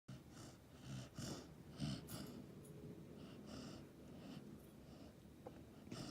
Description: Golden retriever puppy snoring